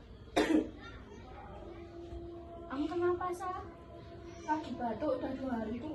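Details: Student pharmacy video on kencur (aromatic ginger) as a cough remedy: a single sharp acted cough at the start, then voiced throat sounds and groaning over faint music.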